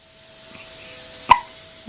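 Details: Days-old infant with hiccups: a single short, sharp hiccup against quiet room hum.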